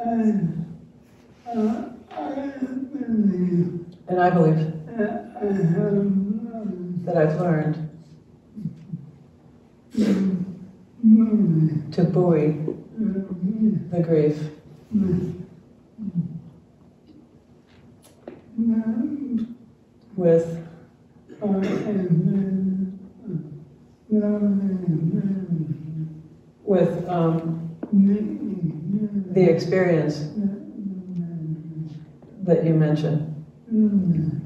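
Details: Retired male pediatrician with ALS diagnosed in late 2021; jaw trembling is neurologic clonus; his wife interprets his speech; dysarthria due to ALS.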